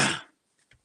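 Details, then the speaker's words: Adult man, who says he thinks he is getting sick, during a livestream: a single loud, harsh cough burst fading over a fraction of a second. "okay I'm gonna cough just a second okay I think I feel better I'm glad I I didn't subject you guys to the sound"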